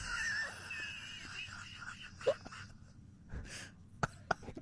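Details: A woman records her own loud hiccups: three sudden, sharp, gulping bursts over a low room hum, with her annoyed husband in the background and her Labrador startled.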